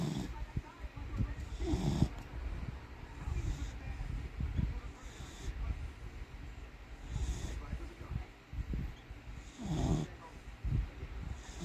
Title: snoring